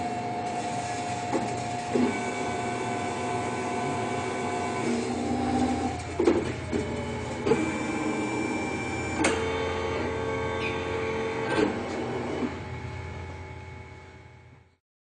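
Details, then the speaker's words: Steady mechanical whirring with high tones, intermittent sharp clicks and grinding: a CEREC dental milling unit cutting a ceramic block for an onlay restoration on tooth 14, replacing a decayed, fractured amalgam. "at which point the milling instrument will prepare itself to receive the block of ceramic and then we can simply hit start either from the screen or from the milling unit itself in order to begin the milling procedure"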